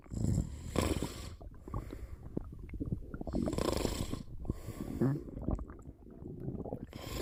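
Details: Snoring during a short nap: rough, fluttering snorts with each breath in, short gaps between, some background noise; snoring.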